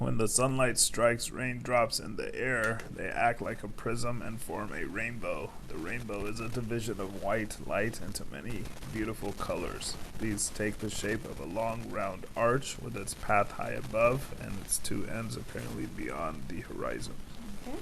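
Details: Patient reading the Rainbow Passage, with some roughness and weakness but mainly strain, which a voice clinician rated for severity; strained dysphonia.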